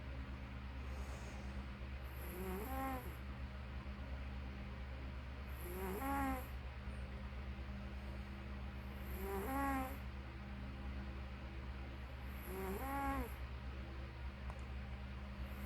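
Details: Snoring: four tonal, rising snore sounds about every 3.5 seconds, roughly 18 a minute, over a steady low room hum.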